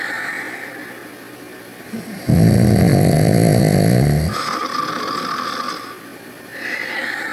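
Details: Two sleepers snoring: a loud, low, fluttering snore lasting about two seconds, with fainter breathing and a high whistle around it; snoring.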